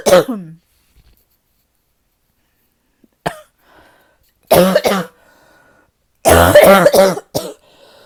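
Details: Harsh, deep barking coughs in short bursts, with throat-clearing between them; described as the person's deepest barking cough yet.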